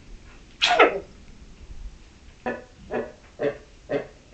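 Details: Booted Bantam hen sneezing after cold weather, with slow- and fast-motion replays: one sharp sneeze, then four smaller sneezes, a respiratory sign in poultry; she later recovered; sneezing.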